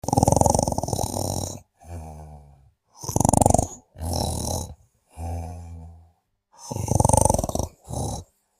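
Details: Sleeping: deep, rumbling snores with a fluttering rattle alternating with quieter groaning out-breaths: loud, vibrating snoring.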